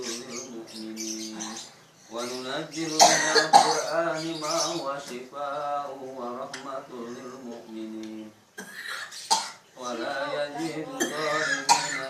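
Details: Ruqyah (Quranic recitation healing) session for a patient whose complaint is a cough lasting 4 years; coughs and throat clearing mixed with chanted recitation; chronic cough.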